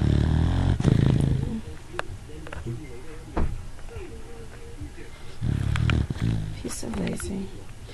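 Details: Dog snoring: two low, rumbling, fluttering breaths a few seconds apart, with quieter breathing and faint room noise between them.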